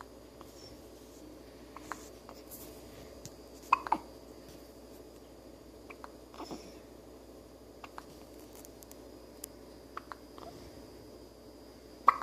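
Soft, abrupt catch sounds recur at irregular intervals in a quiet room, consistent with an infant's hiccups.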